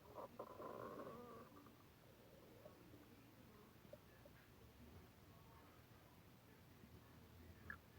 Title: My stomach growls